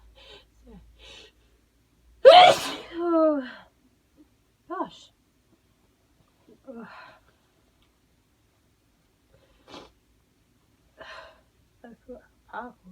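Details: Sneeze while recovering from the end of a cold, after taking a sneeze-inducing substance; a single loud, explosive sneeze with a voiced tail amid soft stifled breaths and small suppressed sounds while trying to hold sneezes back.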